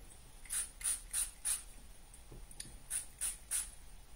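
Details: Seven short hissing spray puffs in two groups from a pump spray aimed at the throat, used as a reflux treatment sprayed onto the vocal cords.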